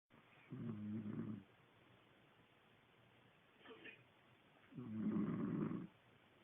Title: Copy of Snoring